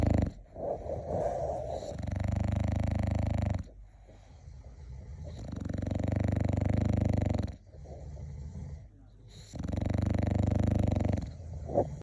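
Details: A sleeping English bulldog snores loudly at about 15 breaths a minute, each inhale a long, fluttering, rattling rumble.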